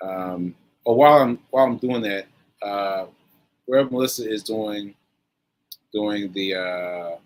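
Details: Aphasia in a man recovering from a stroke on 7/14/22, almost one year post-stroke; he reports that aphasia made working out numbers difficult and that everyday tasks are not yet normal for him.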